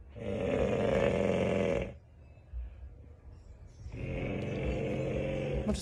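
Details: Man's snoring, caught by his wife, which started about a month ago; Breathe Right strips made little difference: two loud, rough, rattling snores on breathing in, separated by a quiet pause; heavy snoring.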